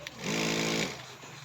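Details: Steady motorized buzzing hum as a repaired no-power nebulizer compressor, its faulty switch contact manually bridged, switches on and runs for under a second; working nebulizer motor.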